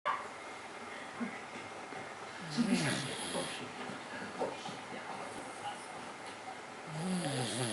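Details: Dog sleeping very deeply after an 11-hour car drive, snoring: rough, rattling snores with some squeaky, whistling breath sounds over a noisy room background.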